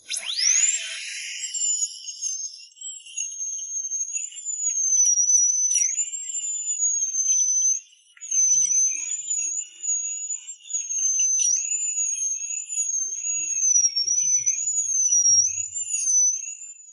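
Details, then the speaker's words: Dental drill removing decay from a shallow cavity between the two front teeth, without anesthesia, before a resin filling: high-pitched whine with small pitch wobbles and a brief stop. "They didn’t even give me any anesthesia. Just put on the drill bit."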